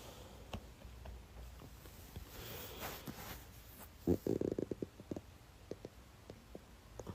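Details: Soft gurgling and a brief low rumbling burst against quiet room noise from a woman's belly: stomach growling (borborygmi).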